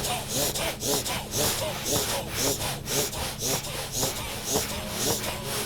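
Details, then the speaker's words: Bhastrika pranayama breathing exercise demonstrated in a yoga session: quick, forceful, snort-like breaths through the nose in a steady rhythm of about two a second over soft background music. "जोर से ना हो तो ऐसे ये भस्त्रिका भस्त्रिका ऐसे कमाल भात पूरा शरीर ऊर्जा से अपना हो जाएगा।"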